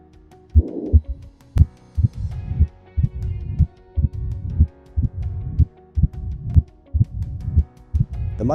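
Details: Simulated mitral stenosis on a cardiac auscultation training simulator: heart at about 60 beats a minute with a low-frequency rumbling diastolic murmur filling the gaps between beats, best heard at the apex.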